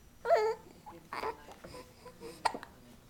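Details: 2-month-old infant swinging, cooing with a few short, abrupt catches in the voice: hiccups.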